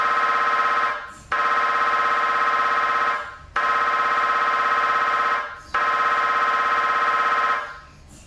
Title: Philips Achieva 3T MRI (sounds)